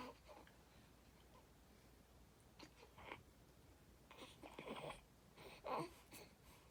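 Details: Infant making short, soft, wet-sounding gurgles and babbling sounds separated by quiet pauses in a small room: infant gurgling.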